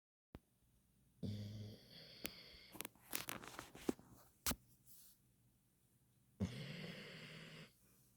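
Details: A sleeping puppy snoring: two rough, rumbling snoring breaths with small rustles, and a nearby person's stomach gurgles between them. Ordinary snoring.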